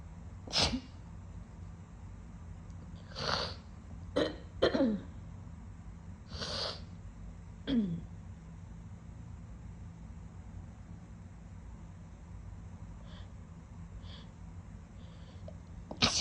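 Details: Sniffly wet sneezing: several wet sneezes spread across the clip, with sniffing between them over a steady low room hum.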